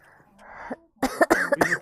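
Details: A breathy throat clearing, then three short, harsh coughs in quick succession from a girl with a bad cold and sore throat: cough.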